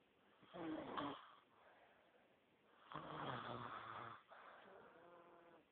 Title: Let sleeping bears snore